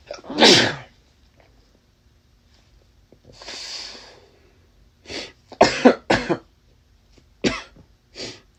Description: looks like I passed my cold onto my boyfriend. I tried to catch whatever sneezing fits I could while I was around to take care of him